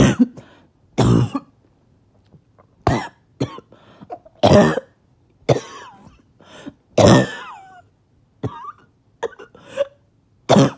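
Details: Harsh barking coughs in separate bursts, about eight over ten seconds, with throat clearing and strained breaths between; after two days without sleep.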